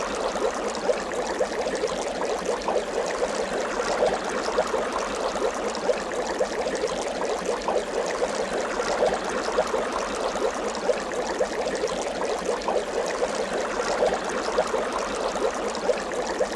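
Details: Portable rechargeable home oxygen concentrator-nebulizer, 1–6 L/min, 115 W, running: continuous steady whooshing, rushing hum without alarms.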